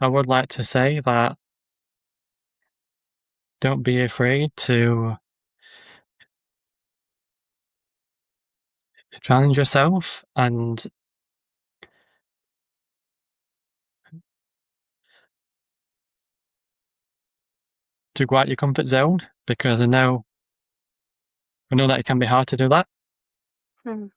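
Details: Stuttering (stammering) in an adult man with a stammer, speaking in a podcast conversation.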